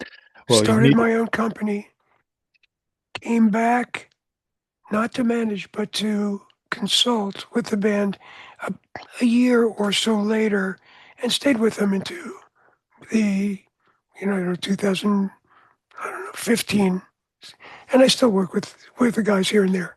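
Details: Adult man whose voice was altered by throat cancer, treated with surgery, radiation and two years of experimental chemotherapy: altered voice after throat cancer treatment.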